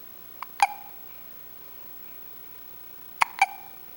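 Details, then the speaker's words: Baby with hiccups: two short, sharp hiccup sounds about three seconds apart, each a quick catch with a small squeak, in a quiet room; hiccups. "Those hiccups gone?"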